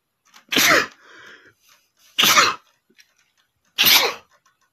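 Three loud, explosive sneezes about a second and a half apart, each a sharp burst of air, with a quieter sound after the first.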